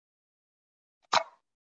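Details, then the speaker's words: Two brief sharp clicks as the drug canister of an equine asthma inhaler is pushed all the way in to be pierced during activation, in a demonstration: inhaler activation click. "all the way in so you'll hear a little click there but you want to push until it's all the way in"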